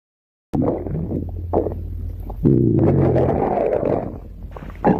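Long, low gurgling rumbles that rise and fall, with bubbly squeaks; ordinary stomach growling from gas and fluid moving through the gut.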